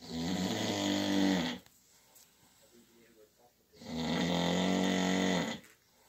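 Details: Sleeper snoring in the dark at night, keeping the recorder awake: two long, loud buzzing snores on inward breaths with a quiet pause between, about ten breaths a minute.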